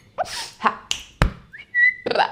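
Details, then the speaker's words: Young woman with Tourette syndrome and functional neurological disorder, whose tics worsen with strong emotion: a sudden short whistle among abrupt vocal bursts and a sharp click, a whistling vocal tic. "pretty much it would just be like little things like whistling saying wow"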